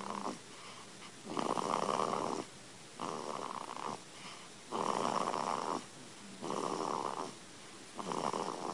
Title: 3-week old baby snores like a sailor